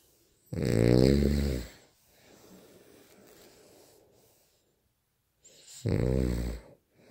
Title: Snore loud